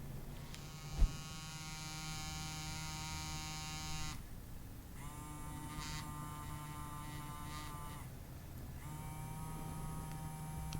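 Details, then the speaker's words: Steady buzzing hum, with brief pauses, from a battery-operated handheld Blaine Labs vibration anesthesia device held during an injection; the vibration is strong and the needle cannot be felt. "it's a pretty significant vibration. I mean, you can really feel the vibration and I just I can't feel uh the needle going in at all."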